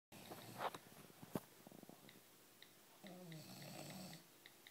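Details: Sleeping female bulldog snoring: soft, irregular snorting and rumbling breaths in a quiet room.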